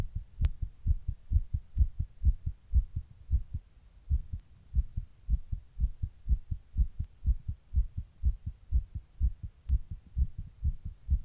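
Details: Own heart recorded while sitting in 100 degree heat during a heatwave: rapid, steady low thumps at about 125 a minute; tachycardia.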